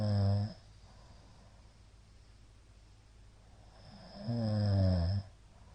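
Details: Middle-aged man asleep, recorded 2022-02-23; the recorder suspects sleep apnea from the count of shallow hypopneas. Two loud, rattling snores separated by about four seconds of near silence: snoring with pauses suggesting obstructive sleep apnea.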